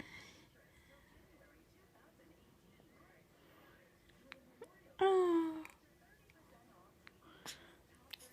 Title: Newborn hiccups